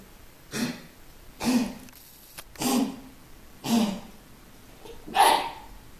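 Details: Dog named Foxy with five harsh, evenly spaced coughing bursts over about five seconds, forming one long, sustained coughing episode: cough.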